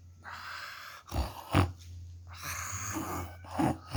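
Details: A sleeping dog snoring: a few low, rough, snorting snores over a steady background hum.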